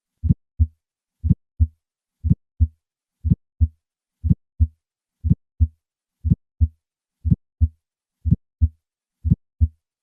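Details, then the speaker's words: Simulated regular heartbeat at 60 a minute, three normal beats, then a sharp high-pitched ejection click just after S1 from a bicuspid aortic valve, widely transmitted and often loudest at the apex. "In bicuspid aortic valve, the deformed valve produces a high-pitched ejection click shortly after the first heart sound, as shown in this phonocardiogram. Listen to a patient with a bicuspid aortic valve. I will start with 3 normal beats and then add the ejection click."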